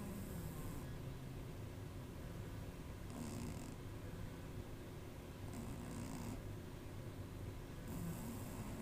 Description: My cat snores, turn up the volume